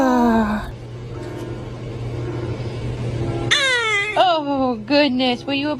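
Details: Infant's brief cry, short falling wails and whimpers, with music and voices in the background.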